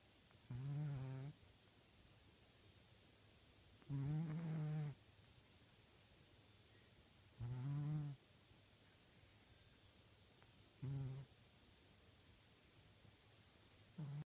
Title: Monkey snores